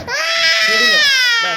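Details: Baby during a medical check-up blood draw, arm held still while sample taken: loud, sustained high-pitched infant cry of distress.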